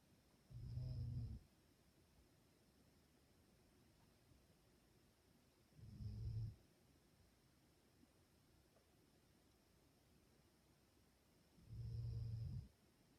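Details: Dog sleeping and snoring peacefully: deep, low, rumbling snores about every six seconds, roughly 10 breaths a minute; snoring.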